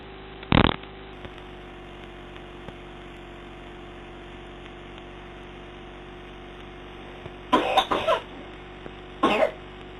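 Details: Child's nocturnal cough at 5 am after coughing all night, recorded 15 minutes after 2 puffs of Ventolin: quiet night room broken by a single cough, then a short burst of two coughs and one more.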